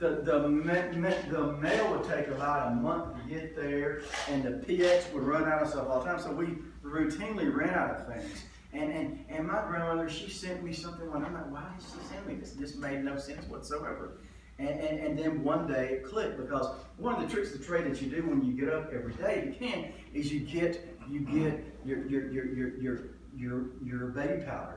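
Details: Adult male comedian who stutters, lifelong ("doing it forever"), says he was stuttering pretty badly in one story and does not hear his own stutter; stuttering.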